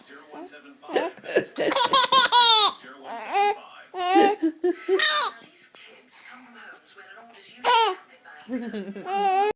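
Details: A mother's hiccups, heard as brief, sharp catching sounds, interleaved with an infant's bursts of high-pitched, delighted laughter in a small room.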